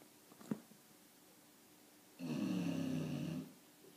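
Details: Bulldog snoring: a single low, fluttering snore lasting about a second, against quiet room noise.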